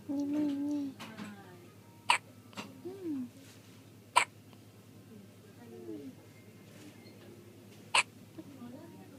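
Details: Baby with hiccups around milk feeding: three sharp, sudden hiccups at irregular intervals between the child's whimpers and vocal sounds.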